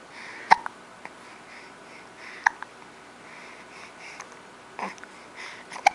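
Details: Short, sharp hiccup sounds about every two seconds, roughly thirty a minute, in a quiet room; hiccups described as not so bad.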